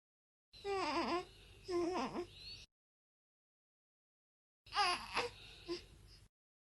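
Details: Newborn baby with two bouts of drawn-out, falling, whiny vocal sounds during a very long yawn, like a yawning cry, with a brief pause between them; infant cry.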